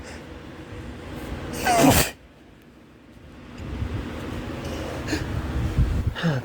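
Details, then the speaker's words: Sneezing blamed on pollen pulled indoors by box fans while the AC is broken, with watering eyes: one loud sneeze after a brief build-up, then breathing and sniffing over steady fan noise; allergic sneezing. "so ac in my house has been out for a little while and we've had fans pulling in air uh from the outside to keep us cool like bike box fans but it's also pulling in pollen and a bunch of other stuff"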